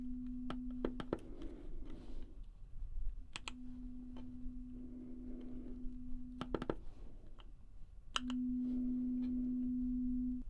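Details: Role-played ASMR audiometry hearing test: steady pure beeping tones of a few seconds each, with clicks and soft rustling, as the listener raises a hand on hearing them; pure-tone audiometry test tones.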